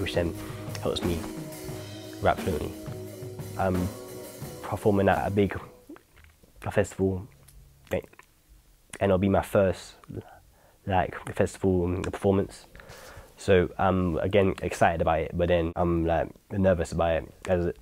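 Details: Teenage male rapper in London with a stammer, preparing for his first festival performance; he says the stammer tends to disappear when he raps; stammer.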